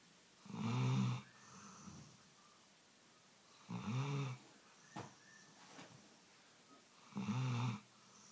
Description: How a Labrador snores